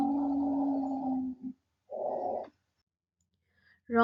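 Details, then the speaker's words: Wheeze in a lung-sounds teaching example: continuous high-pitched, musical whistling over about two breaths, associated with a narrowed or obstructed airway anywhere from the throat to the lungs. "wheezing is high-pitched whistling and musical sound that is often associated with narrow or obstructed Airway at any point from the throat to the lungs"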